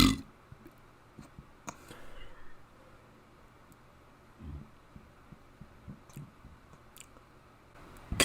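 Several low, gurgling belches, some shaped like spoken letters, with quiet room noise between them; voluntary burping.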